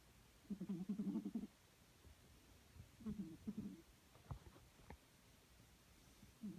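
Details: Low, fluttering rattles recur about every three seconds with quiet pauses between, over faint room noise: snoring from a sleeping Snowshoe Siamese cat, a long-time loud snorer.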